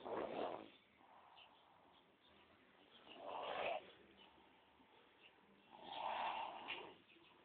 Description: craziest snore ever